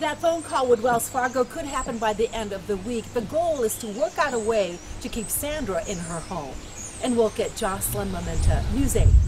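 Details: Adult woman speaking; normal speech.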